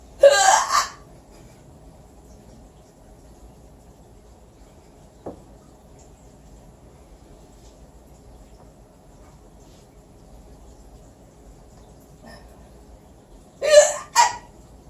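Two loud, abrupt bursts separated by quiet room noise, each a sharp catch with a short follow-on; consistent with hiccups.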